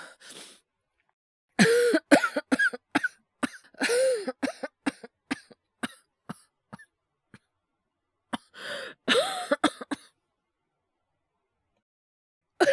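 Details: Acted cough by a male voice actor, part of a wordless cough/illness/hyperventilation voice collection: sharp coughs in clusters, some voiced and throaty, with quiet gaps between bursts.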